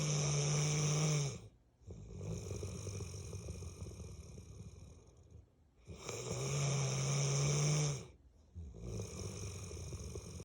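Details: 8-year-old Bullmastiff snoring, which it does daily: deep, loud snoring with a rumbling snort on each breath in and a softer rough breath out, about 13 breaths a minute.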